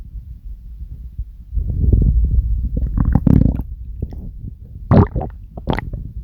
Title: Stomach growls on command !🌼